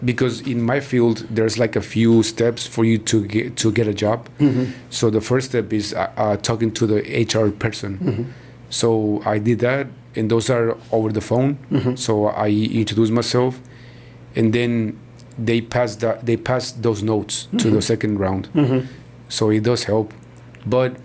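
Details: Stuttering in a man in his 40s, born in Mexico and living in Texas, first noticed around age five or six; his father also stutters and he believes it runs in the family.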